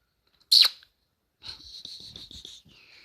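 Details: Boxer dog, pretending to sleep: one sharp, explosive sneeze, followed by a run of quick, high nasal snuffles; a dog sneezing.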